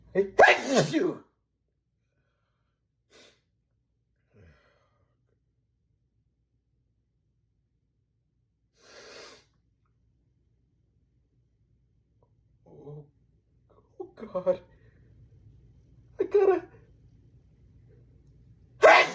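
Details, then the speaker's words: Person trying to hold back sneezes: one loud sneeze, then a long quiet spell of small catches and breaths, ending in another sharp sneeze burst; suppressed sneezing. "Oh god, I can't can't hold back. I got to sneeze."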